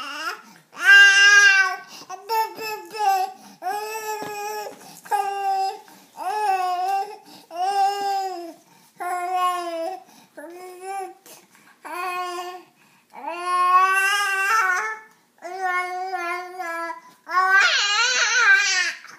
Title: baby crying 3